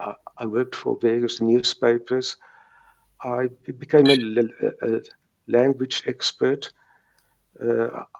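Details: Stuttering in a South African retired man in his 70s, present since age three, now with mild residual blocks.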